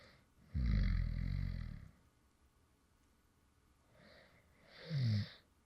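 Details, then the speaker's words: Man's real light snoring, recorded after he fell asleep mid-recording: two rough, low, rattling breathing sounds a few seconds apart in a quiet room; light snoring during sleep. "and this is actually some light snoring sounds from me when I actually fell asleep in the middle of recording a previous video."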